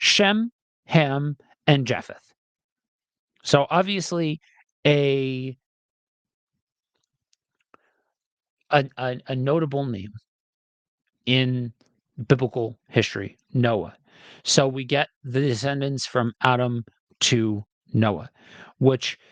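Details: Adult male reader who says he has a speech impediment and will stumble and stutter while reading aloud; stuttering.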